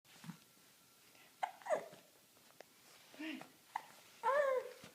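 Infant with about four sharp, brief hiccup clicks roughly once a second, between soft coos and quiet vocal sounds; normal infant hiccups.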